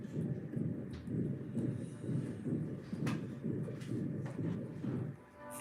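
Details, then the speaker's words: A whooshing or swishing heart murmur between the lub and the dub, as a vet hears in pets by stethoscope. The murmur is caused by abnormal blood flow through the heart. "this sound is called a heart murmur heart murmur are caused by abnormal blood flow through the heart"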